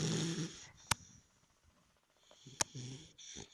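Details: Three-month-old puppy asleep: soft, low rumbling breath noises with two sharp clicks in a quiet room; snoring.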